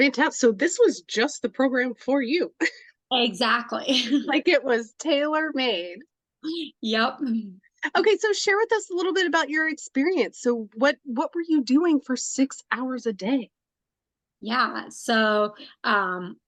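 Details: Adult woman speaking; normal speech.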